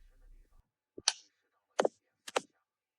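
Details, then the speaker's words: Three short, sharp snapping pops, some doubled, from a pico laser firing during a tattoo removal skin test on a shaded area: 5 mm spot, two passes per point, up to three taps where saturation is heavier. "To minimize trauma while maintaining optimal pigment removal, we'll skip the 4 mm and use the 5mm spot with two passes per point for the shaded area. Parameters can be adjusted flexibly. In areas with heavier saturation, you can tap three times on a single point."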